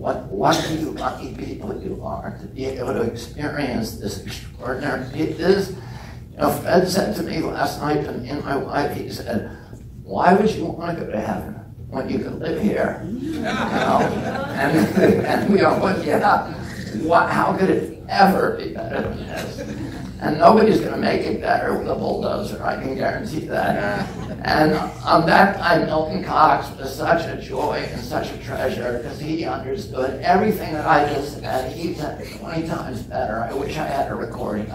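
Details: Real case: adult man with spasmodic dystonia, onset at age 42 after a previously strong voice; he says it makes his voice tremble, becomes less noticeable or goes away after speaking a while, and is painless. Spasmodic dysphonia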